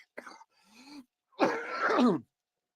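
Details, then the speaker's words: A cough during a live-streamed chat; the speaker then remarks on how much they have been coughing. "sure yo y'all man what up man y'all hear how much my how much cough I got man"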